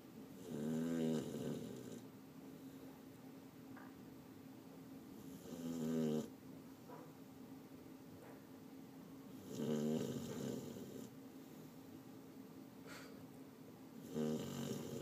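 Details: Female sleeping deeply ("out cold") and snoring: soft, rattling snores recurring about 13 times a minute over a steady background hum.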